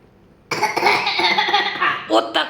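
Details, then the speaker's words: Child asked to show how hard he coughed on waking imitates a strong cough: a long, harsh, forced burst followed by two short coughs, in a small room; simulated cough. "Ты утром проснулся и как ты кашлял. Покажи, как сильно кашлял."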